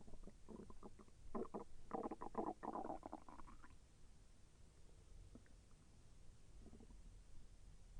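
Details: A burst of soft gurgling, bubbling rumbles that fades, then faint later gurgles, heard during digestion; the person felt the intestine move with slight pain. Bowel sounds (borborygmi).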